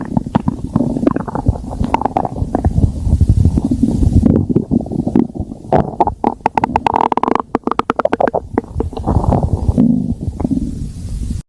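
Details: Stomach growling (borborygmi): continuous low gurgling and rumbling with bubbly, squeaky bursts midway.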